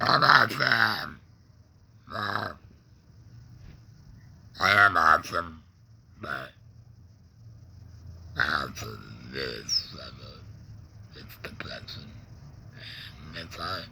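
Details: Adult man with a laryngectomy after cancer (tongue cancer tagged), breathing through a neck stoma, with ongoing tongue pain and depression; alaryngeal speech after laryngectomy.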